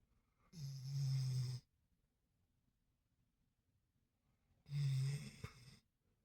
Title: Trying to sleep and she starts snoring 😂 ❤️